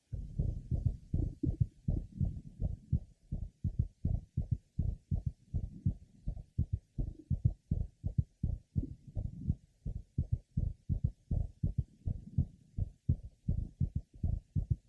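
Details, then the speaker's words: Woman referred with a diagnosis of mitral valve prolapse but without evidence of it: at the apex, an innocent systolic murmur and a normal physiological third heart sound, probably mistaken for a systolic click. "Apex note innocent systolic murmur and the typical normal third heart sound"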